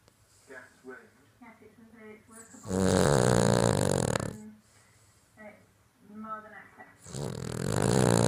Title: My dog gracie snoring